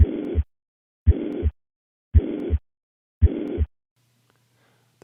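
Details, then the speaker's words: Mitral regurgitation: four heartbeats, each with a steady holosystolic murmur of uniform shape filling the gap between S1 and S2, from a relatively constant left ventricle to left atrium pressure gradient. "pressure gradient between the left ventricle and left atrium remain remains relatively constant throughout syst resulting in a uniform or holos systolic shape"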